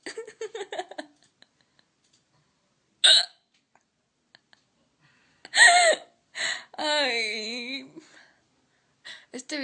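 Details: Woman with hiccups lasting about half an hour despite remedies (water, breath-holding, being startled, massage), stronger when laughing: sharp, abrupt voiced catches recurring irregularly and breaking up speech.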